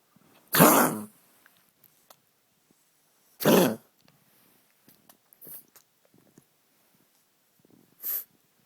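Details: A senior pug with a terrible recurring cough, filmed for the vet: two loud, harsh hacking coughs with softer snorting breaths and a brief wheezy huff between; cough.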